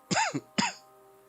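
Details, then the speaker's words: Two short, harsh coughs from an adult who says he feels horrible and suspects his tonsils are acting up again, the first with a brief voiced tail, over faint game music. "so yeah you hear uh you hear the cough and everything else and i feel i feel horrible right now bro"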